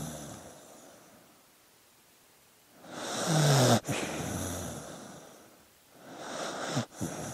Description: One hour of sleeping dog noises. With looping slideshow.